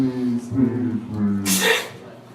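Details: Sneeze provoked by sniffing a hidden substance in a comedy guessing game: a voiced intake and hum followed by a single sharp, hissing burst.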